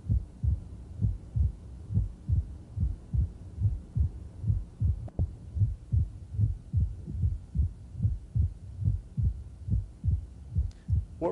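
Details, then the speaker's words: Opening snap of mitral stenosis at about 73/min, heard with the diaphragm just inside the apical impulse with the patient in left lateral decubitus, with a faint presystolic murmur before S1. "so as the left ventricle relaxes pressure falls the mitral valve is thrust open and then it ceases its excursion"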